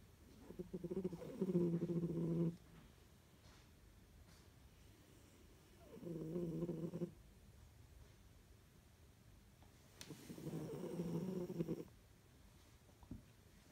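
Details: Siberian cat napping at lunchtime in his cat carrier, snoring: soft, low, buzzing snores on each breath, about one every four seconds, over steady background hiss.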